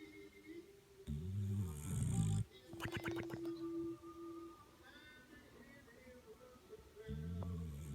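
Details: Sleeping bulldog; loud low rumbling snores with a few snorting bursts and faint background music; snoring.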